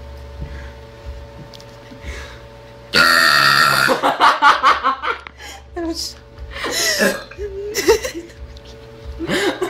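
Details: Girl burping: a long, loud, rumbling belch followed by shorter belches and some voiced sounds, with faint background music.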